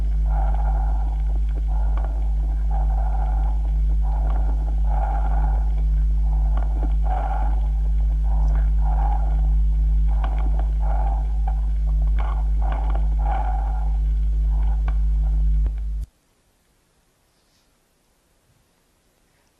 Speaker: que el soplo tu barrio se escuche la condensación debe presentar las siguientes características debe estar cerca de la superficie debe ser bastante grande debe extenderse hasta los bronquios de 3 milímetros de diámetro